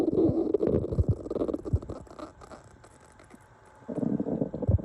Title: loud and hungry stomach growling